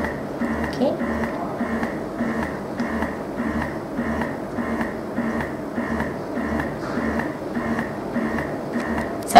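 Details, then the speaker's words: Malish Ilaria double electric breast pump in stimulation mode, demonstrated on a bottle: quiet motor with fast, light, regular suction cycles about two per second, mimicking a baby's early feeding. "Ini adalah stimulation face. Okey, kita dapat lihat pergerakan niperle di bahagian corong pamilia."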